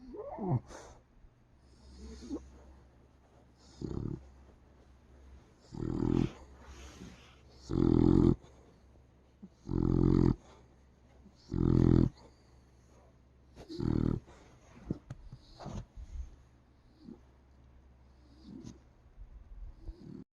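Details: Beagle sleeping on a couch, snoring and snorting: loud, irregular rumbling snores at roughly 30 a minute, in a quiet room.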